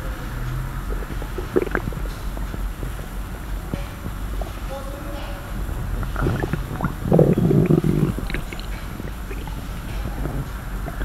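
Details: Stomach growling with sloshing and crackling sounds, recorded as ASMR; bowel sounds (borborygmi).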